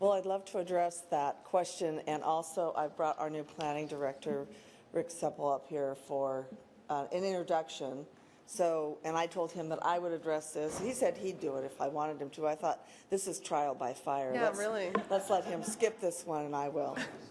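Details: Adult speaker; normal speech.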